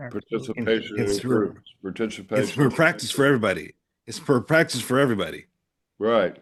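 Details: Adult male stroke survivor with aphasia following stroke; aphasia.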